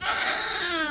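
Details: Newborn baby girl born to a gestational surrogate, crying just after birth: a brief, high-pitched, strong wail; a normal newborn cry.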